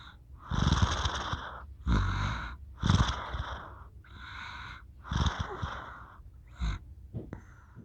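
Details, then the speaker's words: A male passed out asleep, giving rhythmic rumbling snores at a fairly quick pace, each with a low fluttering rattle, in a quiet room; snoring. "can you hear him he's passed out and he's snoring it's so cute hold on"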